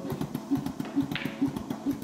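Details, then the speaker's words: Total artificial heart pneumatic driver worn in a backpack with tubes by a man whose own heart was removed after heart failure at 47: rapid, regular mechanical clicking and puffing, about 130 pulses a minute. "It's the sound of his heart beating. And the artificial heart is right here."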